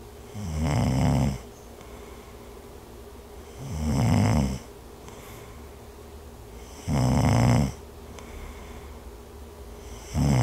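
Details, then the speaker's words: Snoring in a baby or child: low rattling snores on each in-breath, about 19 a minute, with quiet pauses, from partly blocked nose or mouth airflow; contrasted with grunting heard on breathing out as a pneumonia sign. "kaya ang tunog ng snoring ay karaniwang maririnig kapag ang baby o bata ay humihinga pa loob o nag-iinarte pag-inhibit ang snoring ganito ang tunog ng"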